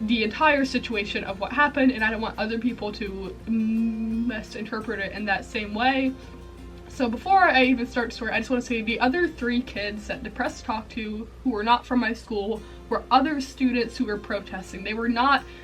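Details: Female college student with a self-reported stuttering disorder; stuttering.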